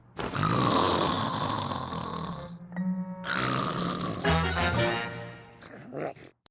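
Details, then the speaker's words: Animated cartoon character Daffy Duck's acted, exaggerated snore: a long rasping inhaled snort, then a whistling exhale, over background music; simulated snoring. "Hey, wake up. Come on, you're snoring. Wake up. Daffy, wake up."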